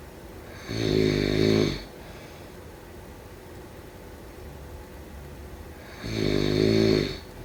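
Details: Two loud, rattling snores on breathing in, about five seconds apart, with quiet breathing between; snoring.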